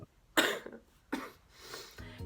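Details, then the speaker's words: A person who has been sick for a long time gives two harsh, loud coughs with a rough, throaty quality, then quieter breathy sounds and room noise; trying to talk without coughing. "I'm going to try and get through this video as much as possible without coughing."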